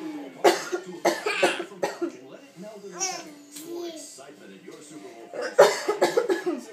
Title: My son laughing at his mom coughing